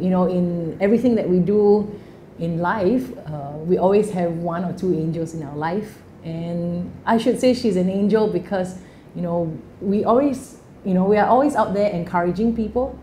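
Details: Adult woman speaking; ordinary speech.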